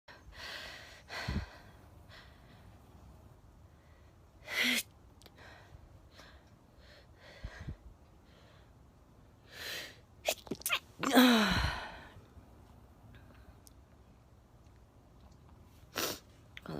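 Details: Sneezing, both short and prolonged: several short sharp bursts and sniffs, with one louder, longer explosive sneeze near the middle, in an otherwise quiet room.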